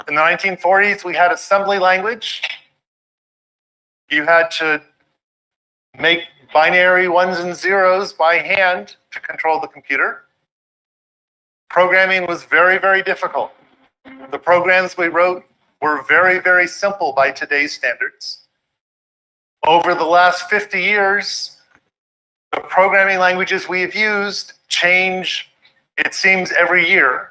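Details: Adult speaker; normal speech.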